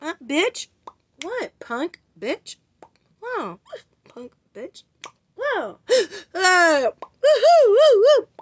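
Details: Adult woman during a continuous tic attack, with many tics at once that she cannot control, and who uses an emergency THC inhaler for her attacks; uncontrollable vocal tics with swearing; vocal tics with coprolalia.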